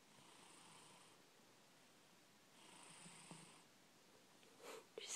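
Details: Sleeping black cat snoring lightly: two soft, hissing, whistly breath sounds, then a few brief noises.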